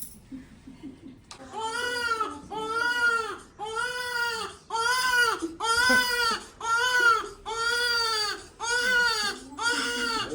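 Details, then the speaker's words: Rhythmic, loud, clear wails about once a second with brief gasps between, from a newborn baby boy just delivered by C-section after an admission for abnormal fetal position; ordinary healthy newborn cry. "रोना नहीं। हाँ उठा लो इसे। बाहर ले चलो इन्हें।"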